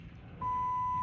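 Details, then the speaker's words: Hospitalized adult patient with lines, rising pain and a very high blood sugar reading: quiet room, then a steady pure electronic tone of an infusion pump alarm that holds. "now I'm beeping um so somebody comes in we'll hit stop and try to have this"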